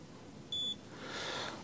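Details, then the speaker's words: A single short, high electronic beep from a blood glucose meter as blood reaches the strip and the countdown begins; non-diabetic adult male testing after eating three potato parathas, reading 164. "और आप देखिए यह तैयार हो चुका है लिए check करते हैं यह मैंने ब्रेक किया और यह खून ए चुका है"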